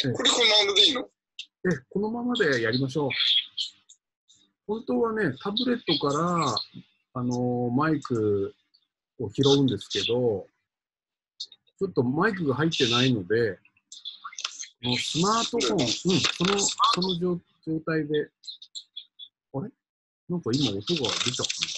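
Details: Aphasia in a man who has had it for several years and is recovering.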